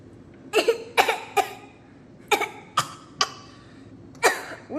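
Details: A young girl coughs about eight short, sharp, dry-sounding coughs in small clusters; she says she feels sick and that she doesn't have coronavirus.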